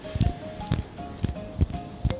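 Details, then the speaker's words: Five short, sharp cracks from the finger joints over quiet background music, in an adult with finger aching since middle school, X-rays normal, symptoms now mostly relieved by treatment; finger joint cracking. "저는 손가락에서 이런 소리들을 낼 수 있습니다. 이게 들릴지 모르겠는데 한번 해볼게요."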